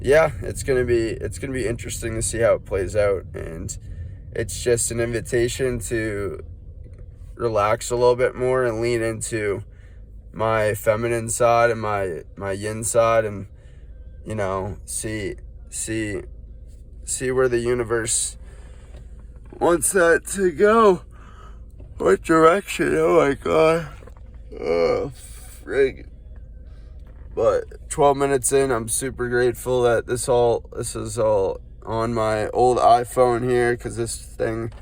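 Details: Adult man, no diagnosis given, self-reports stuttering his words while feeling physically unwell with head burning and foot pain; he suspects cerebrospinal inflammation: stuttering (self-reported).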